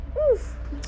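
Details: A single brief high-pitched squeak, rising then falling in pitch: a vocal tic in a girl with Tourette syndrome and OCD, whose noises and squeaks began around age 16.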